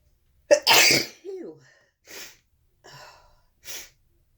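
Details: Sharp inhaled catch then one forceful sneeze into a snotty handkerchief, followed by softer sniffs and breathy blowing; sneezing.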